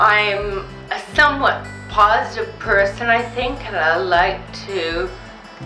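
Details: Woman with Friedreich's ataxia diagnosed in 1999 at about 30–31; speech difficulty began in her late 20s; she speaks slower and pronounces carefully; ataxic dysarthria (Friedreich's ataxia).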